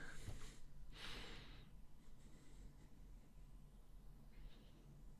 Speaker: Can you hear my dog snoring apparently?